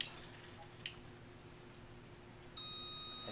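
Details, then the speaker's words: LIFEPAK 9 defibrillator preventive maintenance: recharging to 100 joules with the analyzer range set to 500, a steady high-pitched electronic tone starts abruptly and holds; analyzer later reads 100 joules. "I will select an energy reading of about from 100 that's right in the middle of our available ranges then I'll recharge"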